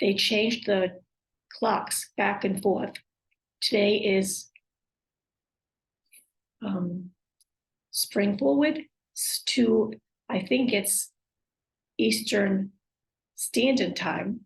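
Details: Woman with aphasia, apraxia of speech and dysarthria acquired after a stroke, with word-finding difficulty; aphasia with apraxia of speech and dysarthria.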